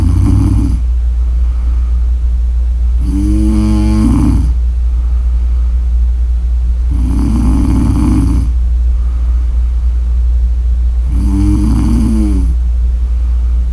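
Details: Sleeper's snoring recording: three rattling snores about four seconds apart, roughly 14 breaths a minute, over a constant loud low hum; regular snoring.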